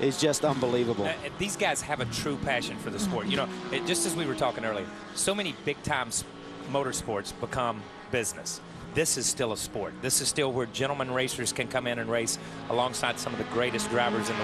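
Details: Adult male speaker; normal voice.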